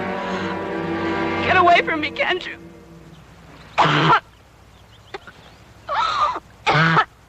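After a steady hum and a throaty vocal sound, an adult woman gives three short, harsh cough bursts. This is acted coughing from a film scene.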